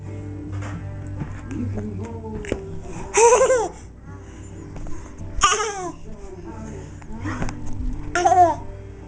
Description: gets hiccups!